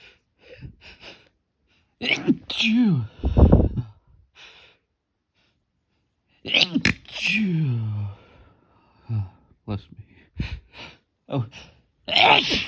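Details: Sneezing after golf: a series of forceful sneezes, several with a drawn-in breath and voiced cry, separated by brief pauses; sneezing.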